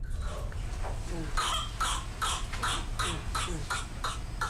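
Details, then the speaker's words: Whooping cough (Bordetella pertussis): a rapid run of about nine harsh coughs in close succession, a violent paroxysmal coughing fit as the body tries to clear built-up airway mucus; paroxysmal coughing. "mucus is not removed and builds up in the airways the body attempts to rid itself of this buildup by causing a violent coughing fit"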